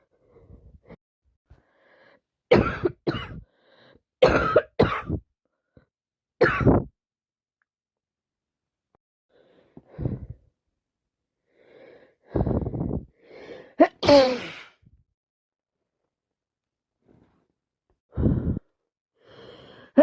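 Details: Worsening common cold with non-stop sneezing and nose blowing: harsh coughing in short clusters, with pauses and throat clearing between them.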